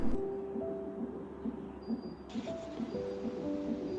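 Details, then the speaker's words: Antenatal fetal monitor (CTG) producing trace with uterine activity transducer at top of uterus: regular soft pulsing thumps of the baby's heartbeat, about 135 a minute, with tones and music in background. "the machine produces a continuous graph of both of these referred to as the trace the machine also produces a beating or puling sound that represents your baby's"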